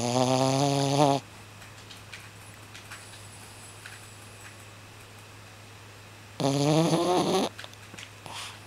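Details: Snoring from a person who insists they do not snore: two long, rising, voiced snoring breaths about five seconds apart, separated by a quiet steady hum.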